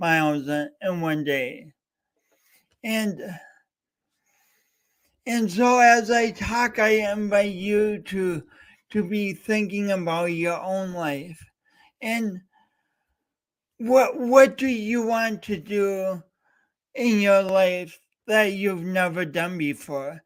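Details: Male host with a self-described speech impediment, coached by a speech coach for years, talking live for three hours straight as a challenge; speech impediment (disfluent speech).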